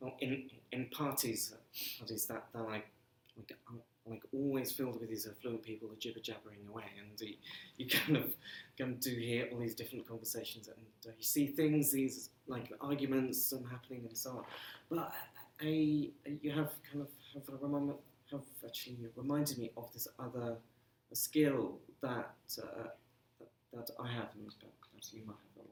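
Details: Stammering since early childhood, persisting throughout his career, in an adult male civil servant.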